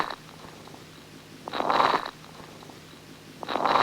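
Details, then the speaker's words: Soft breath sounds with fine, high-pitched crackles late in inspiration, an auscultation teaching example; fine late inspiratory crackles. "what is the timing of these sounds these sounds are laid in inspiration they are fine and high pitched"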